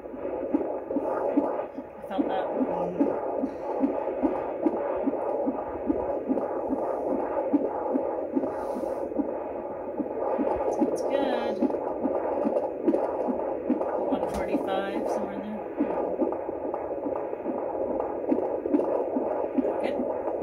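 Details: Rapid whooshing galloping fetal heartbeat on a handheld Doppler at a prenatal appointment, about 145 per minute; normal fetal heart tones.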